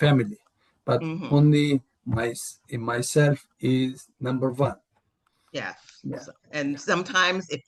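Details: Real adult male with aphasia, cause not stated; aphasia.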